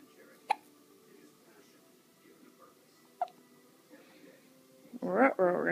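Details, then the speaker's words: Two sharp, abrupt hiccups a few seconds apart in a quiet room, then a brief burst of voice; hiccups, described as a wicked case. "raggy I have a wicked case of the hiccups hey hey Mom you want you want to try and burp this out of me instead of you know recording it for posterity"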